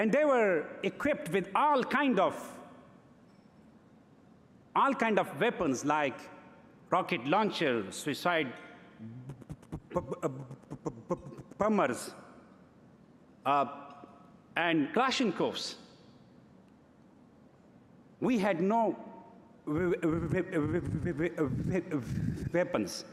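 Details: Adult man, stuttering since early childhood, giving a public award acceptance speech in English; stuttering.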